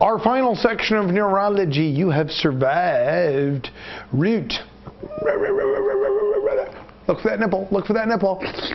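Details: Adult narrator; normal speech.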